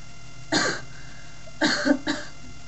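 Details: Person feeling unwell with voice loss giving three short, harsh, dry cough bursts in a quiet room, without wet rattling: dry cough.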